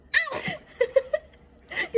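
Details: Sneezing from a 5-day-old newborn baby: a quick sneeze followed by small squeaky breaths and soft vocal sounds.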